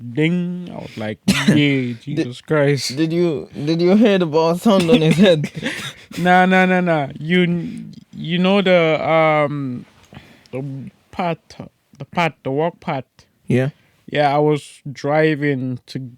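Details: Podcast host with cerebral palsy, severe stuttering in childhood treated with speech therapy and still frequent; conversational speech with word and phrase repetitions; stuttering.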